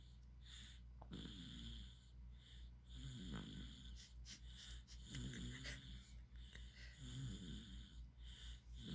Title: baby snoring.